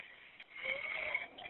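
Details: Heavy wheezing over a 999 phone call from a 37-year-old woman with brittle asthma having a severe asthma attack while driving, unable to speak: strained, whistling breaths.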